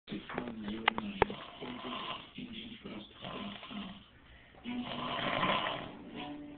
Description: man snoring with a duck on his head....